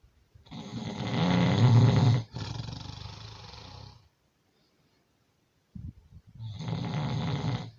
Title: Your snoring